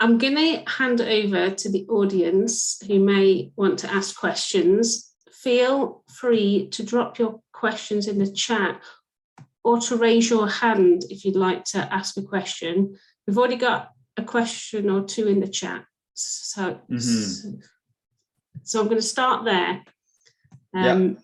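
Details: Adult woman speaking; ordinary speech.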